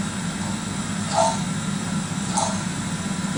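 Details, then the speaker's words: Demonstration of pediatric obstructive sleep apnea in a sleeping boy: his airway blocks for many seconds until he partly wakes and catches a few breaths, then blocks again as he sinks back into sleep; swallowing sounds may be heard. "so he catches a few bre uh breaths and again the deeper he goes back into sleep the more those muscles relax again and the blockage happens again and again he goes through the"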